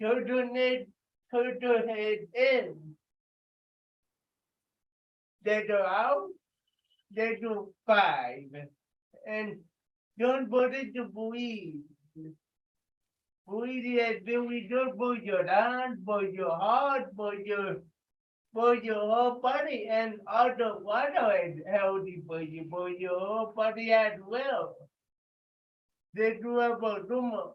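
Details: Adult with cerebral palsy speaking during a live group workout session, told to talk loudly; dysarthria (cerebral palsy).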